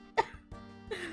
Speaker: You will hear me cough a bit, but it's normal. I'm still not out the woods.